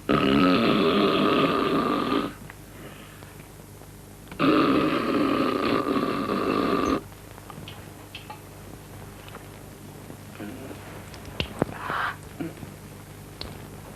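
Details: Two loud, rough, drawn-out snores, each 2 to 3 seconds, with music and room noise, from a scene in the film The Family Man; acted snoring.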